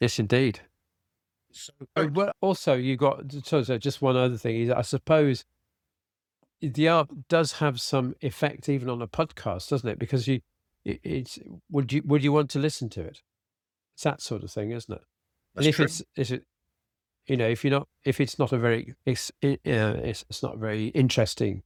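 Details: Adult man with aphasia after a sudden stroke, treated with speech and language therapy; still has word-finding difficulty, cannot read a script, and tires as the day goes on; aphasia.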